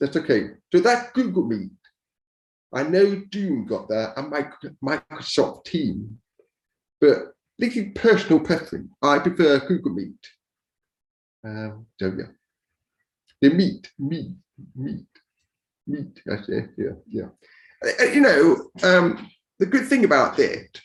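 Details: Deaf speech of a man born deaf who learned to speak rather than sign and now wears a cochlear implant after years of hearing aids; deaf speech.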